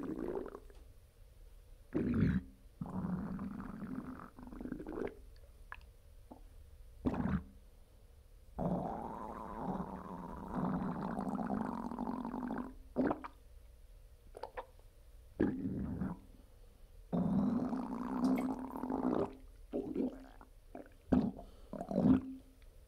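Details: Loud, varied gurgling and rumbling stomach noises in bursts, recorded immediately after a bowel movement, ordinary bowel sounds of gas and fluid moving: borborygmi.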